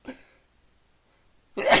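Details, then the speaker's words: Sneezing after using pepper that got into the nose, trying to sneeze it out: brief intake, pause, then a sharp, loud burst through nose and mouth; a single sneeze. "So now I can't stop sneezing."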